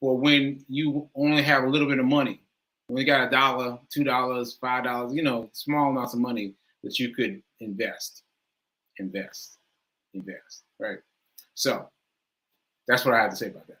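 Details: Aphasia in an adult speaking live, who says it was affecting their speech more that day.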